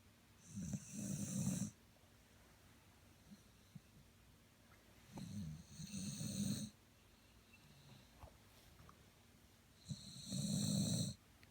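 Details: Old man snoring: three loud rumbling inhaled snores about every five seconds, roughly 13 breaths per minute, with quiet pauses between.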